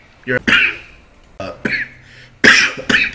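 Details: Streamer coughing during a live gaming stream: three pairs of short, harsh cough bursts in a quiet room, each pair a quick double cough; repeated coughing.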